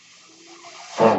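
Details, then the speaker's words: The speaker's own mechanical ventilator, heard while they talk: a soft airy hiss builds steadily, then ends in a louder whoosh of air as a breath is delivered. "hello everyone my name is that noise you're hearing is my ventilator and welcome page turners"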